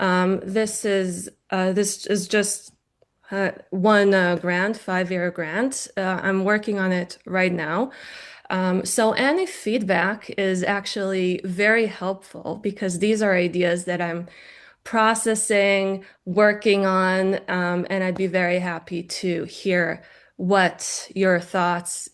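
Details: Adult woman speaking; normal speech.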